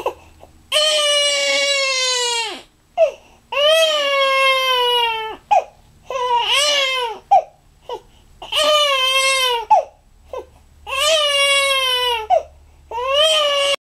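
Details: Healthy infant aged 5½ weeks crying in long, clear, wailing bursts with short gasping breaths between, about 25 cries a minute; ordinary infant cry.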